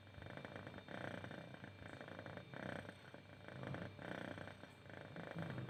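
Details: Female cat snoring while awake, not asleep: loud, rough, rumbling breathing in repeated cycles, like snoring.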